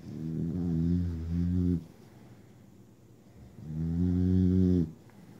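Two long, low, droning breaths in sleep with a buzzing tone, separated by quiet pauses. Snoring.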